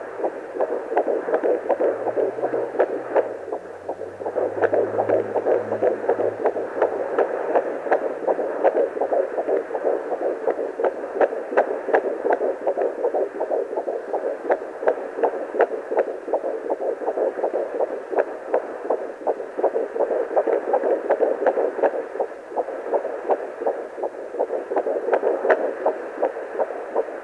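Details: Fetal heartbeat at 12+3 weeks of pregnancy on a pocket fetal Doppler: rapid, regular whooshing beat about 160 per minute, steady throughout.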